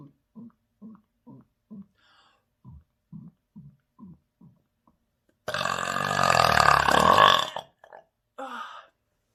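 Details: Belching after gulping a drink, with burp-induced hiccups: a quick run of about a dozen short regular burps, then one long, loud drawn-out belch and a few small ones.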